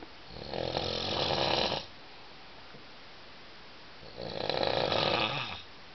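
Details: Snoring from an adult after two glasses of wine in a dormitory: two long, harsh rasping snores with a pause between, in a quiet room.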